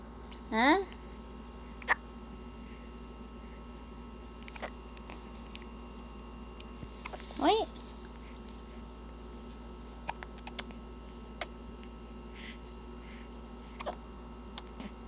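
Two short, squeaky infant hiccups about seven seconds apart, with quiet room noise between them.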